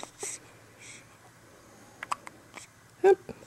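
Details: Newborn girl in her first week home, with hiccups occurring four or five times a day: several quick, abrupt little catches against quiet room hiss; infant hiccups.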